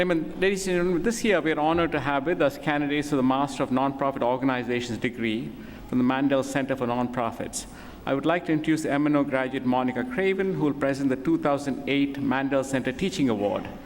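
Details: Adult speaker at a podium; Normal voice.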